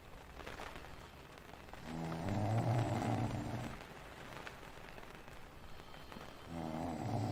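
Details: Two slow, low rattling snores about four seconds apart, heard faintly under a steady rain-like hiss in a tent: ordinary snoring.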